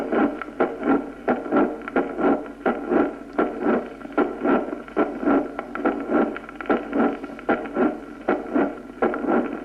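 Regular heart sounds at about 76 beats a minute, each with a mid-systolic click and a late systolic murmur rising to the second sound: mitral valve prolapse.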